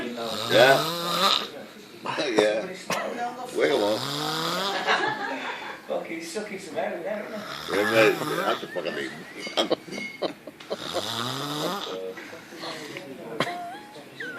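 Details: Loud, irregular snores with rising, whistling and groaning pitch shifts through each breath, plus sharp snorts between them; noisy snoring.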